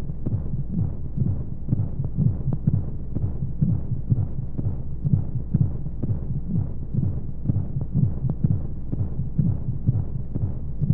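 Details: Simulated womb sound for baby sleep aid: soft, muffled low thumps at a steady pulse of roughly 120–125 a minute under constant low rumble and white noise; heartbeat.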